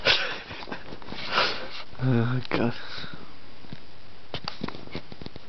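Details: Man asleep at 1:30 am at a friend's house after a few drinks: one low, rough, snorting breath rising from quiet room noise with faint sniffs and clicks; snoring during sleep.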